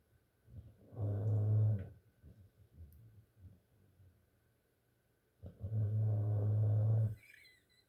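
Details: A sleeping pitbull snoring: two long, low, rumbling snores in a quiet room.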